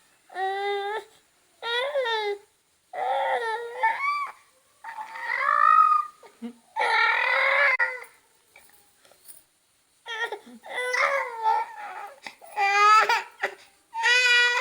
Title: Baby crying|baby crying sound effects|cutest baby crying moment|newborn baby first time crying